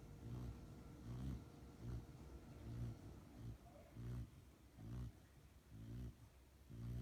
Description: Picked up my almost 6 month old Rottweiler puppy Pepper from her professional training and when she got home she is knocked out. Hear her cute snore.